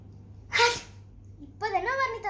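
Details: Simulated sneeze done as a prank on a sister: a single loud, breathy sneeze burst followed by a short voiced sound; fake sneezing.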